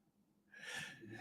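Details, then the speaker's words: Sleeping pet dog, out cold, snoring during a livestream: after a brief quiet, one rough, snorting breath with a faint whistly edge; snoring. "you can probably hear her snoring up a little old storm right about now because she's a she's she's out she's down for the count"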